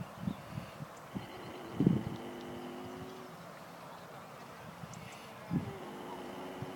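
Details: A sleeping mare makes recurring sounds while asleep; owner unsure whether snoring or grunting; snoring.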